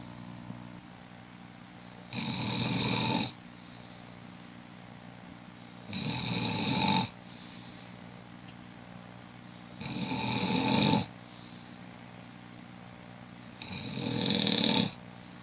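Four regular, rough snoring breaths roughly every four seconds, about 15 breaths a minute, over steady room hum.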